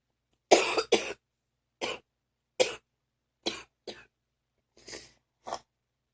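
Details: A run of eight harsh, phlegmy morning coughs in quick bursts, fading toward the end, with near-choking; a wet, productive cough.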